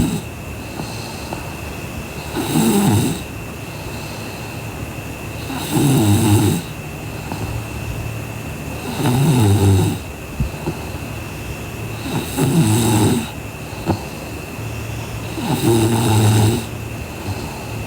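Rhythmic rattling snores on each breath in, about 18 a minute, with quiet breathing out between them and a steady background hum.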